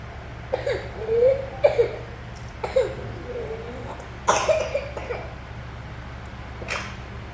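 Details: Child with whooping cough (pertussis): repeated coughing bursts with strained voiced catches between them.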